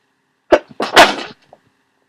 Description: Woke up sneezing and congested.